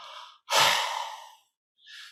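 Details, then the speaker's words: A huff (forced expiration technique) in the active cycle of breathing technique, used to bring phlegm up from the lower airways instead of coughing. "all right so it's very important to do the half to bring flame from the lower parts of the airways"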